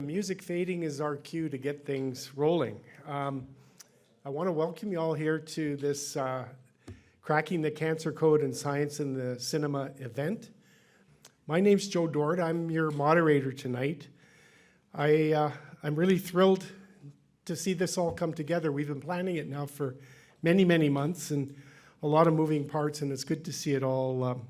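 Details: Adult male speaker; normal speech.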